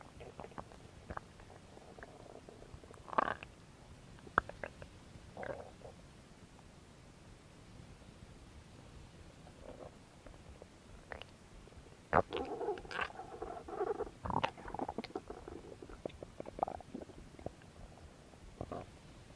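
Irregular gurgles, pops and longer rumbling growls over low background hiss; ordinary active bowel sounds.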